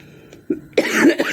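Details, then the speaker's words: A brief soft throat sound, then one harsh, forceful cough from an adult woman who is ill with fever, cough, allergy and a hoarse voice after returning home from a cold place; cough. "घर आ के में बहुत फिर बीमार हो गई थी और अभी भी मेरी आवाज बैठी हुई है बुखार और य खांसी और इस तरह एलर्जी हो गई मुझे"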